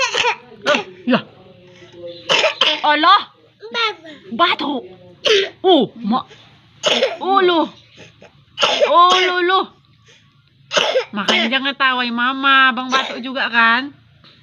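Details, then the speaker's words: A child's short, light, repeated dry coughs mixed with giggling and chatter in a small room; the mother coughed first and the child laughed, then coughed too. "Mama batuk nak."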